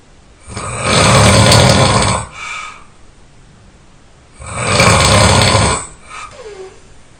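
Two loud, rough, rattling inward snores with quiet pauses between them, about 17 a minute; heavy snoring.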